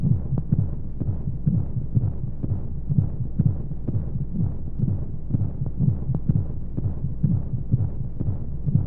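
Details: Womb-sound sleep aid for babies: steady muffled low heartbeat thumps at about 125 a minute over a constant low whooshing white noise, as heard inside the womb; heartbeat.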